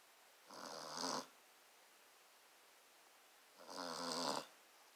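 Two soft, buzzing, fluttering breathing sounds about three seconds apart in a quiet room: snoring in a sleeping dog.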